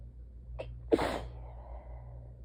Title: Mercilessly teasing sneezes (2/4)